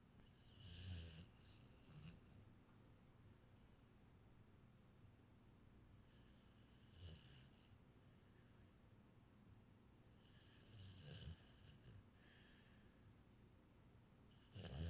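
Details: Sleeper snoring: soft, low rattling snores with quiet pauses, about four breaths in fifteen seconds.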